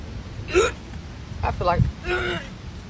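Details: After a carbonated drink in a prank, the person says it hurts; several abrupt voiced gulping sounds with breathy vocal noise, possibly exaggerated; hiccups.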